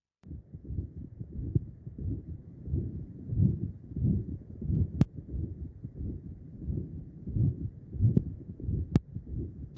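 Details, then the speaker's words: Real patient recording: holosystolic murmur at left lower sternal border, louder with inspiration, waxing and waning with tidal breathing; tricuspid regurgitation. "on exam you're going to hear this whole systolic murmur at the left lower sternum border"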